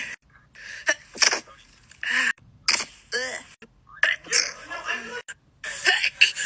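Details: Monthly sneeze compilation, October 2021: a run of short, sharp, hissing sneezes with small voiced catches, several within a few seconds; repeated sneezing.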